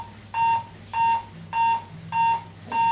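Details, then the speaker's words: Regular short tonal beeps at 100 per minute from the built-in metronome of an AED7000 defibrillator, pacing chest compressions during CPR training: AED CPR metronome. "so the beeping that you can hear is a little metronome that's built in to this model of defibrillator that is indicating a hundred times per minute so that's the speed you want to push at"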